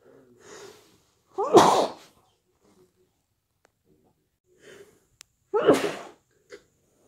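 Two loud sneezes, each preceded by a sharp indrawn breath, with quiet sniffing between; sneezing with a stuffy head cold.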